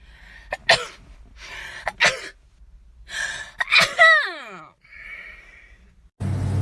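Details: Two sharp, wet sneezes after quick inhaled gasps, then a sniffle, from a young Chinese woman with a runny nose. She says her rhinitis keeps worsening but is unsure whether it is rhinitis or a cold.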